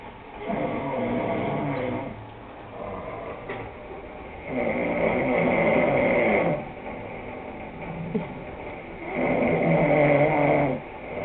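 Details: Slow, rough rattling snores, about three in eleven seconds, with quieter breathing between them; ordinary snoring.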